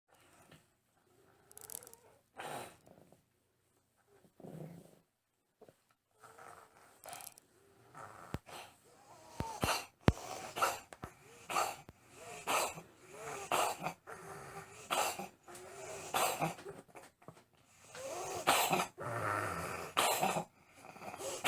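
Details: Cat with a tumor in the back of the throat and worsening breathing: harsh, snorting, partly whistling stertor on each breath from a narrowed upper airway.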